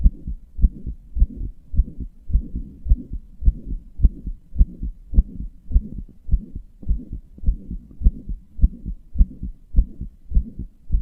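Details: Self-reported heart murmur with palpitations in a heart the owner describes as weak and inefficient: a regular heartbeat about 105 per minute with a soft rushing sound between beats.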